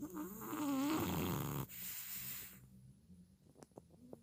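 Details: Sleeping bulldog making a loud rattling, snorting breath sound, then quieter breathing; snoring.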